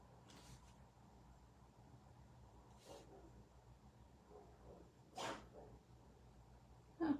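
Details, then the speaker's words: Four brief, soft sneezes from a female pet, probably a dog, against quiet room noise, the third loudest; animal sneezing. "I don't know if you can hear her. She sneezed."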